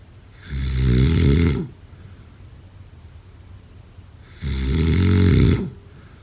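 Two loud, low, rattling snores on inhalation about four seconds apart, roughly 15 breaths a minute, with quiet breathing between: snoring.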